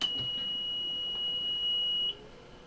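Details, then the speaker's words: A home oxygen concentrator is switched on during a setup demonstration and gives one steady, high-pitched beep lasting about two seconds; a normal start-up beep. "so what you want to do is turn the machine on"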